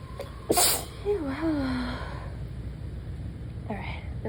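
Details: Adult in a prolonged, unrelenting bout of repeated sneezing with coughing, recorded outdoors: one sharp sneeze followed by a brief voiced sigh, with steady wind noise; sneezing.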